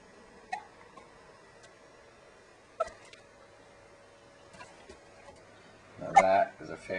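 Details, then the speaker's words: Infant boy hiccuping while spitting up and holding his head up: two short, sharp, squeaky catches a couple of seconds apart, then a longer vocal sound, in a quiet room. "oh now he's got hiccups I'm puking at the same time he holding his head up good though"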